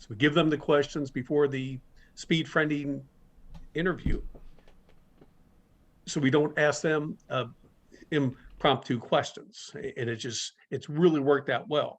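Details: Speaker in a stuttering-community talk series, with long pauses between words suggesting blocks; stuttering.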